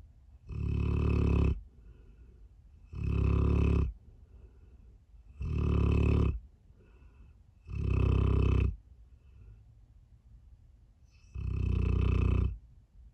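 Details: A 4-year-old male Staffy sleeping while car camping gives loud, rough snores about every 2.5 seconds, roughly 24 a minute, with quiet pauses between: dog snoring.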